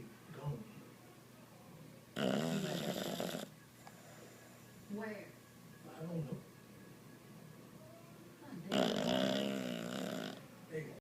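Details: Dog snoring: two long, loud rattling breaths, with television speech faintly in the background.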